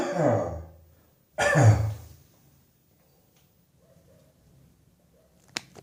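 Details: Adult's New Year's Eve morning cough: two deep, loose coughs with a low, rattly quality in a quiet room, a chesty cough.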